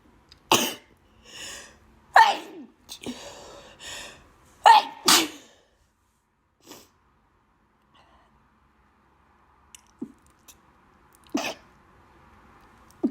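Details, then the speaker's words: Person with bad allergies: several forceful, explosive sneezes with sharp intakes between them, then quiet sniffs; repeated allergic sneezing. "Allergies really bad. I have to blow up nose."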